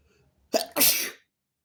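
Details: A single sneeze: a short sharp intake followed by a loud explosive burst of air, then silence.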